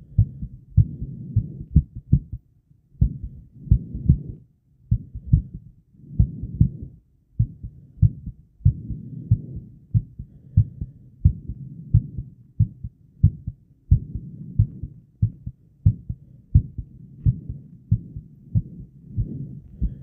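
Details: Heartbeat recorded a while after exercise, with added breath holds: loud, low beats with whooshing breath noise between them and occasional longer pauses where a beat seems to drop, giving skipped beats.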